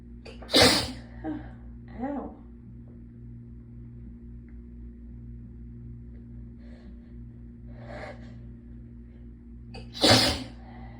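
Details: Sneezing fit brought on by being chilled after the hot water ran out: two forceful sneezes, each preceded by a sharp intake, quieter breathing between; intense sneezes that hurt the throat.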